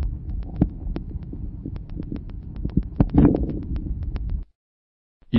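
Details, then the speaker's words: Low breath noise with few brief, sharp crackles localized at the start of inspiration, characteristic of severe bronchial obstruction. Finding: early inspiratory crackles. "peu nombreux et localisé au début de l'inspiration ils sont caractéristiques d'une obstruction bronchique sévère"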